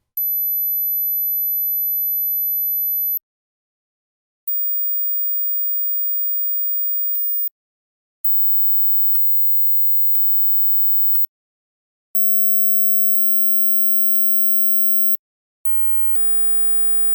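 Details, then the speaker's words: A hearing-age test: steady, very high-pitched whistle tones rising in pitch above 8,000 Hz, then brief ticks; extreme high frequencies are lost first with age. "as we grow older we often lose the extreme ends of our hearing Spectrum so how many of the following sounds can you hear how old are your ears"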